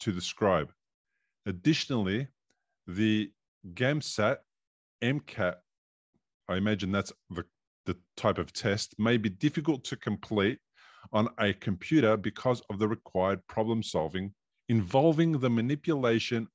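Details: Adult male speaker; typical speech.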